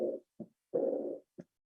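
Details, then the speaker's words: Teaching example of aortic regurgitation: diastolic regurgitant murmur heard at the aortic focus during diastole. "Si es insuficiencia, van a tener soplo regurgitante o escape o soplo diastólico en el foco aórtico. Y acá tienen el soplo. Durante la diástole, ¿ya?"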